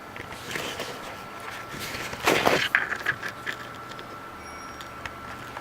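A brief sharp sneeze burst from a small animal, followed by a few faint squeaky chirps, over low room noise.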